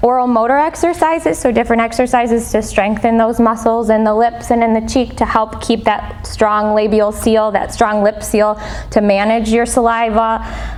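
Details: Adult woman speaking; normal speech.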